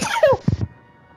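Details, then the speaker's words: A short high-pitched burst followed by two quick lower puffs, described as an adorable sneeze; sneeze. "oh my god everyone actually has adorable sneezes"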